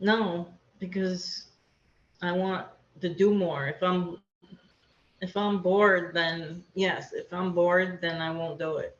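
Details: Aphasia in an adult woman after a hemorrhagic stroke; she could not talk for two years afterward and still has word-finding difficulty.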